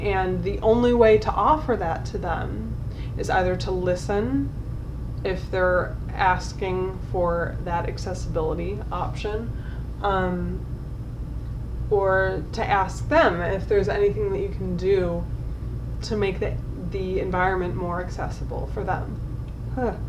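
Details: Adult woman with generalized dystonia since about age 9, treated with DBS, affecting neck, jaw, tongue and lips, tongue spasming when worked up: dysarthria from oromandibular and lingual dystonia.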